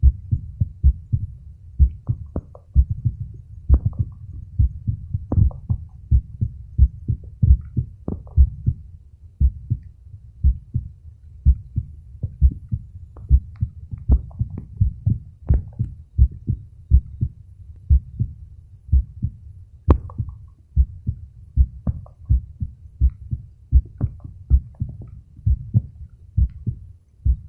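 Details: An adult male records his own heart with a phone microphone at the auscultation sites: steady, regular low lub-dub heartbeats, clear paired sounds, no extra noises; normal heart sounds.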